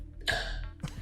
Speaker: Yes. I have very strange hiccups. They sound more like burps, and they're very painful.